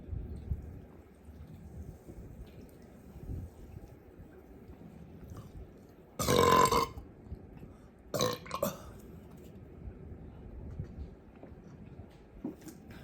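A long, loud, voiced burp followed by a shorter double burp against quiet room noise; belching.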